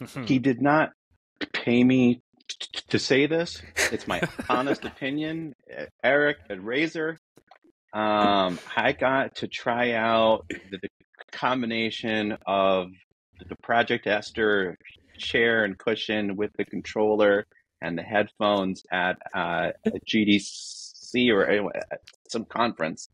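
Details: Adult man who says he is a person who stutters and that his disfluencies are simply how he talks, not a recording glitch; stuttering.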